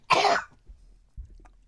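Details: Deliberate, acted on-cue cough by a man during a prank phone call: a single harsh, forceful cough burst, then faint throat noise.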